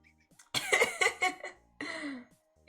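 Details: Streamer sick with COVID, with a hoarse voice: a cluster of harsh, rough coughs followed by a hoarse, throaty cough-like sound, with faint background music.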